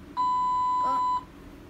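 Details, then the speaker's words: Hospital bedside: a single steady electronic beep lasting about one second from a bedside monitor among several machines, over quiet room noise. "hi guys so I'm sorry about the beeping just all the machines"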